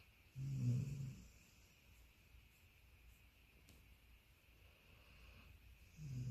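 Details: Labradoodle dog asleep in a relaxed pose, snoring: two quiet, low snorting breaths separated by near silence, soft snoring during sleep.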